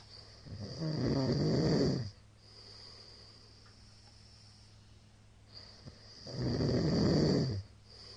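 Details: Middle-aged man snoring during sleep, recorded 2022-03-21: two loud, rough, rattling snores on breathing in, about five seconds apart, with quiet breathing out between them; heavy snoring.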